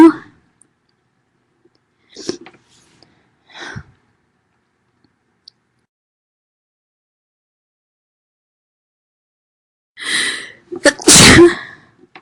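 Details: Loud sneezing from a female: faint sniffs and breaths build to one loud, explosive sneeze near the end, an ordinary single sneeze.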